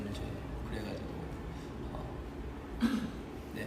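A single short, rough throat clear from an adult man, heard over low room murmur.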